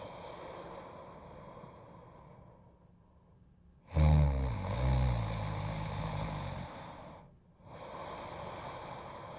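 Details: Quiet breathing and room hiss, then one loud, low, fluttering snort-like breath lasting about three seconds during sleep; snoring.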